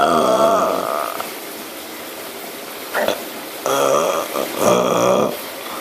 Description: I was holding that in so it all came out as a big freaking burp lol